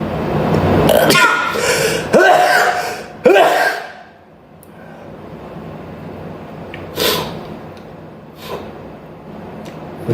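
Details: Adult man sneezing during a livestream, with allergy mentioned: three forceful sneezes in quick succession, then a couple of softer sneezes or snorts over steady room noise; repeated sneezing.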